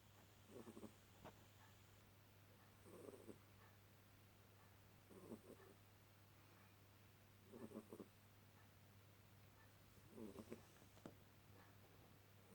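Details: Sleeping cat snoring during an afternoon nap: soft, regular snores at about 24 breaths a minute over a low steady hum.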